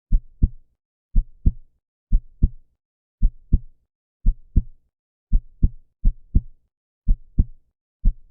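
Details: Normal heart sounds, best heard with headphones: clear, regular lub-dub at about 64 beats a minute, with a normal rhythm.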